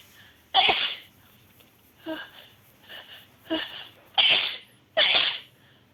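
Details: Six sharp, hissing sneezes in quick succession over about five seconds from a girl, some louder than others: a rapid run of repeated sneezes.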